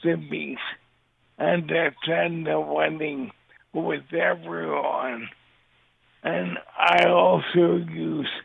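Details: Dysarthria from ALS in a man living with the disease since diagnosis in 2014; his voice and mobility are affected, and he also uses a synthesized voice.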